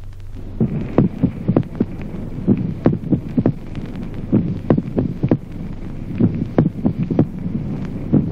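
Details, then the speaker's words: Teaching example of a split second heart sound with ventricular extrasystoles: irregular heart sounds with early extra beats, and the second heart sound is split into two close components. "ejemplo duodécimo duplicación del segundo ruido cardíaco en la extrasistolia"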